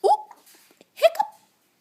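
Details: 3-month-old baby with hiccups; two short, abrupt voiced gulps about a second apart in a quiet room.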